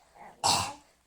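A single harsh, forceful dry cough from a dog, like something caught in the throat: the cough of kennel cough, an infectious tracheobronchitis.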